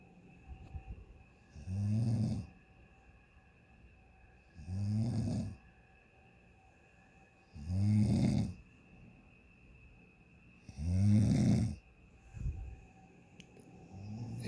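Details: Loud, relentless "freight train" snoring in a hotel room on vacation at 12:37 a.m.; regular low rumbling snores about 19 a minute, each on a breath in, over faint room hum.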